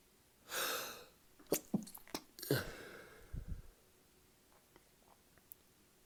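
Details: Two sneezes a couple of seconds apart with sniffs and breathing between, over faint room hiss, from an adult in a sneezing fit after drinking alcohol; sneezing.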